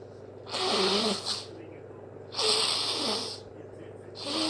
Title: Wet hayfever sneezes 🤧